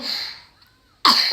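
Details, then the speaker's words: Child (Magdalena) coughing after a night of coughing, given water; two abrupt cough bursts separated by a brief pause, a plain cough. "they brought you water so that you wouldn't cough thank you gummy her"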